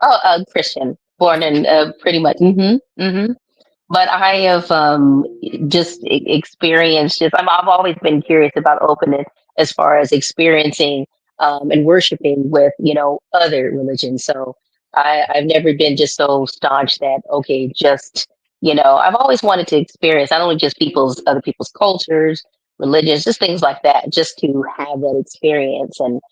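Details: Adult speaker; typical speech.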